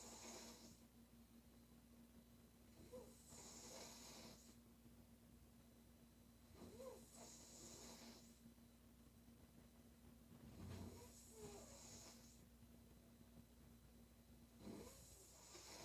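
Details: Female sleeper snoring quietly: regular snoring breaths with snorts over a steady hum, about 15 breaths a minute.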